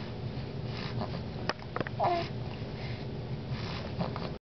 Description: Poor kid, always with the hiccups